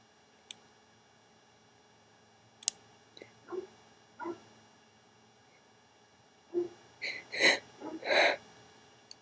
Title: Three Sneezes and a long wet nose blow